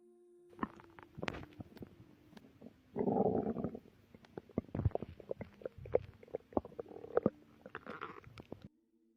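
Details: A pregnant woman's belly recorded before contractions began: scattered gurgles, pops and a longer rumble. Ordinary bowel sounds, stomach growling.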